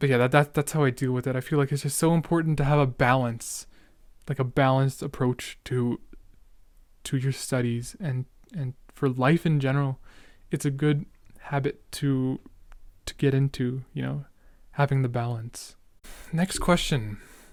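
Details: Real young male speaker who discusses his own stuttering and says he is stuttering a lot; part-word and whole-word repetitions heard; stuttering.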